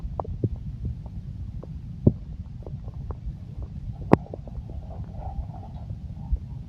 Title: the sound stomach growling versi exotic